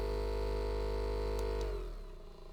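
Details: Steady low motor hum with fast pulsing from an AchedAway handheld percussion massage device at its highest speed, then winding down; ordinary device noise.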